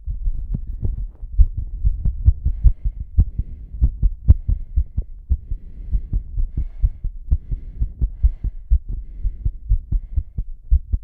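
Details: Rapid pounding heartbeat during a breath-hold, with heavy breathing: strong, fast, regular low thumps at about 120 beats a minute.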